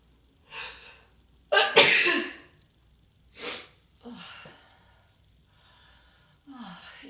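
A few soft inhaled build-ups, then one loud explosive sneeze followed by quieter sniffs and breaths: a sneezing bout.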